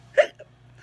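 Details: Single sharp, voiced hiccup with a short catch after it, over a low steady hum, from someone reading a poem aloud who has been sneezing and hiccuping.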